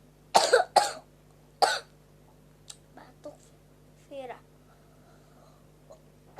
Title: Viral batuk terceungir ceungir